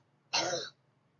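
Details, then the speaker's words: Infant with acute laryngotracheitis (croup): a single harsh, brassy barking cough burst, the characteristic croup cough. "También tenemos la tos perruna o roncus esta tos perruna es muy característica porque parece como cuando un perro vi j y es muy característico y no hay que olvidarlo"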